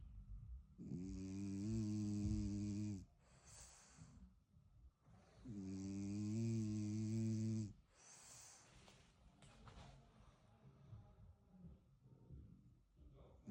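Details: French bulldog puppy snoring right away on falling asleep: two loud, buzzy, drawn-out snores about four seconds apart, with quieter breathing between.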